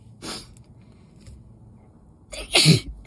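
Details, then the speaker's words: Person already ill, sneezing after dust exposure while packing Christmas decorations, having held sneezes in: a softer sneeze followed by a loud explosive one, part of an intense sneezing fit. "I decided to help her pack up her Christmas decorations and put them back in the Hat and the dust on top of being sick got to me but I couldn't like let it out in front of her because mental block"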